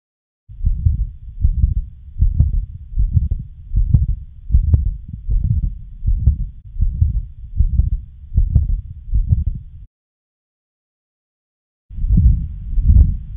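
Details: Heart murmur: a regular heartbeat near 78 a minute, with a continuous whooshing sound filling the gaps between beats.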